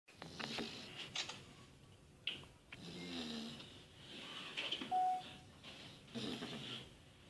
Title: Cane Corso asleep and snoring